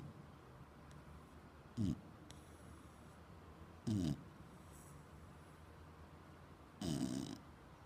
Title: pig snores